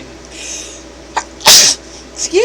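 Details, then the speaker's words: Adult sneezing fit that came right after nearly choking on a sip of tea: a single sharp, explosive sneeze with a brief intake before it, followed by a short voiced sound. "first I nearly choked to death and now I'm going to sneeze my head off"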